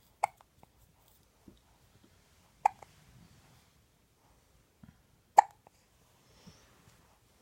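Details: A child's hiccups: three sharp, abrupt hiccup sounds roughly every two and a half seconds, with soft breathing between them in a quiet room.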